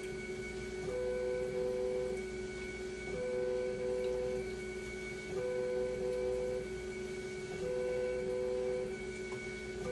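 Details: Steady machine hum with a soft tone repeating about every two seconds, from a hemodialysis machine running during conductivity cell calibration with a meter, lines connected to bicarbonate and acid; hemodialysis machine running.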